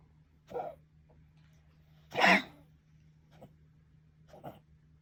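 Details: Four short, harsh coughs from a pet, one much louder than the rest, over a steady hum. Cough.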